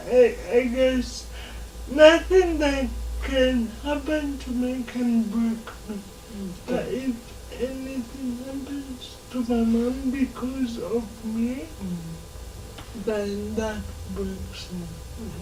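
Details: Dysarthria in a 27-year-old woman with lifelong cerebral palsy who moves around independently, in a real TV interview.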